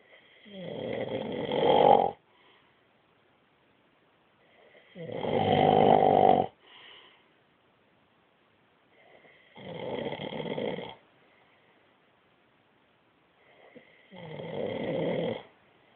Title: My Hubby snoring!!!! Ahh!!!!